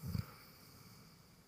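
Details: Single brief, deep nasal snort followed by quiet; one snorting breath, from Feebee, whose snoring is the subject.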